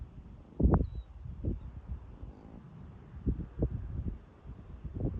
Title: Huge Angus cow sound asleep and snoring on nice day.